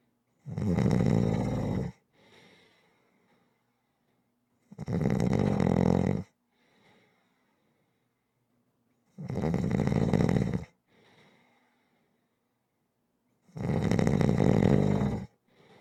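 Deep, loud, rattling snores on each breath in, about 14 a minute, with quiet breaths out between them.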